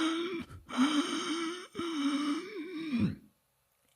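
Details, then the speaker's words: An adult man imitates strained, voiced gasping inhalations, recalling waking at 4 a.m. unable to breathe with severe chest pain, which he later attributed to an obstructive sleep apnea episode; an imitation, not a real event. "me acuerdo de levantarme un día a las 4 de la noche sin poder respirar que me faltaba el aire con un dolor en el pecho increíble O sea me acuerdo como si fuera ayer realmente y no fue el único episodio pero ese fue el más que me levanté haciendo este ruido"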